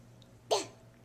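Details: Single short, abrupt infant cough in a quiet room.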